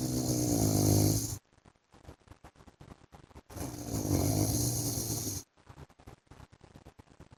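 Two long, loud, rumbling snores on breaths in, each followed by a quiet fluttering breath out.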